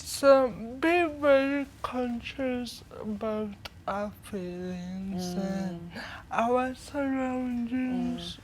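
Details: 25-year-old woman with cerebral palsy from birth brain damage due to lack of oxygen during her mother's prolonged labor, affecting leg and hand movement, coordination and speech; dysarthria (cerebral palsy).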